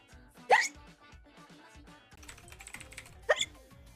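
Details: Two sharp, sudden hiccups a few seconds apart over soft background music and clicking; ordinary hiccups.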